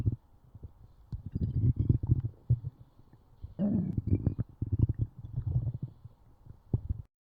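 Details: Stomach growling (borborygmi) from hunger: low, irregular gurgling and rumbling bursts coming in waves over several seconds.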